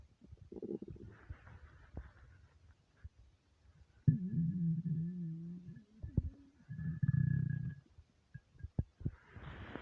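Low gurgling rumbles and a drawn-out growl from the belly, ordinary hunger-related stomach rumbling.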